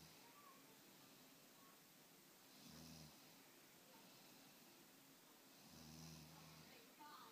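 Two low, rumbling snores about three seconds apart, each on an in-breath, over steady room hiss; ordinary snoring.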